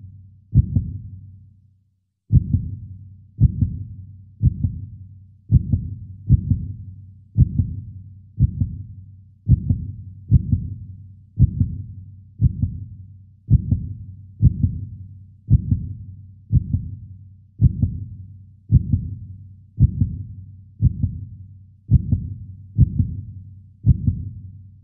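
Steady, deep heartbeat thumps in lub-dub pairs at about 56 beats a minute, a normal rhythm.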